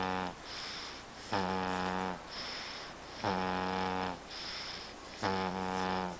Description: snore like a man